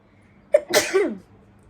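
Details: A single loud, explosive sneeze after a sharp intake of breath, brought on by sneezing powder snorted through one nostril during a sneezing challenge between a mother and her child.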